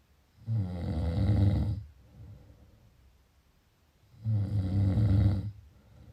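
Two long, low rattling snores on breathing in, separated by a quiet out-breath; ordinary snoring during sleep.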